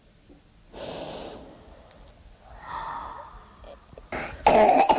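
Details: Premature cough during airway clearance in a child receiving chest physiotherapy, with hands supporting the thorax during exhalation.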